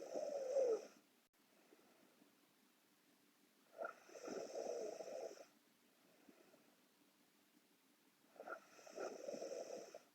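Rattling, buzzy snores on each breath in, about 13 breaths a minute, with quiet breaths out between; snoring.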